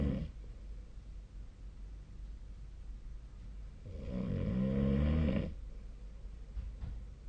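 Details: Snoring during sleep: quiet breathing, then a loud, deep, vibrating snore lasting about a second and a half.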